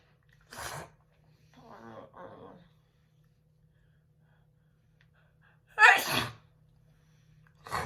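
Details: Woman sneezing on request: two sharp sneezes separated by quiet breathy gasps, with the start of a third, faint room hum; sneezing.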